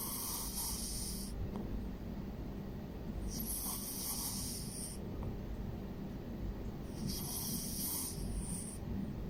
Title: EVERYDAY CAT - SNORING (PANDA) CAT